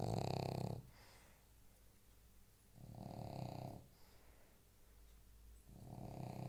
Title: Snoring pug